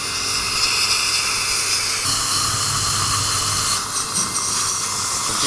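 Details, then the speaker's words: Steady loud hissing spray from an AIRFLOW dental air-polishing device removing biofilm before scaling during an adult's teeth cleaning, with brief pitch shifts as it moves over the teeth. "But the cool thing about the AIRFLOW is very Gentle with no damage to the teeth."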